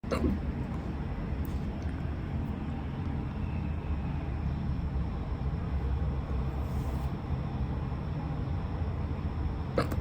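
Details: Faint, brief, sharp hiccups at irregular intervals over a steady low background rumble, recorded in a hurry during a bout of hiccups; hiccup sounds.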